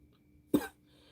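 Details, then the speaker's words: Adult woman with acute bronchitis, on amoxicillin and prednisone, who says it feels worse than COVID: a single short cough burst in a quiet room. "I think it's hard to get rid of bronchitis. Like I said, this is worse than this is worse than COVID to me."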